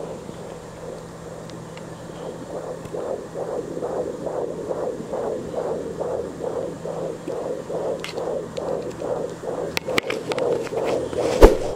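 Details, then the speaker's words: Fetal heartbeat heard on a home Angel Sounds Doppler at maximum volume while the mother searches her belly: fast, regular whooshing pulses, about 145 a minute. She notes the baby moved and turned. "fala isso na M emoção e tanta você escutar o coraçãozinho do seu baby"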